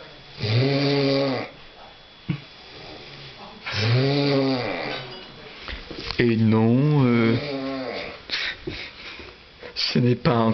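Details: Loud, voiced, groaning snores about every three seconds with some pitch sliding, partly like vocal moaning: snoring.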